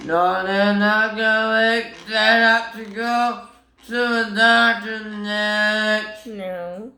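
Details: Son with both autism and Tourette syndrome, filmed by his mother showing his most common vocal tics, including repeated phrases; vocal tics (Tourette syndrome).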